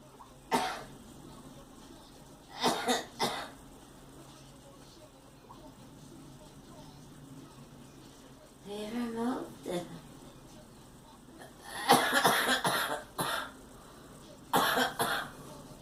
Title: Girl coughing